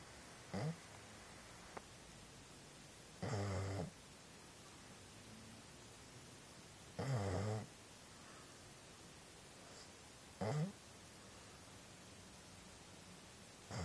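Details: A sleeping dog snoring: short, loud, snorting snores, about four breaths in fourteen seconds, with quiet pauses between them.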